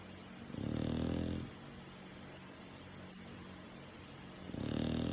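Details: Snoring from a sleeping dog in a quiet room: low, rumbling, fluttering snores on each breath, about every four seconds.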